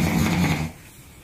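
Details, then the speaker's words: Snoring from an adult man, recorded by his partner at night two nights earlier. "mainly because she sounded like a drunk Lumberjack and kept the whole neighborhood awake or not uh in response I hereby agree to play a recording she made of me two nights ago"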